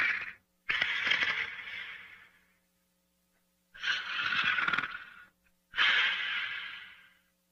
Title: Diesel Sleeping & Snoring Part 6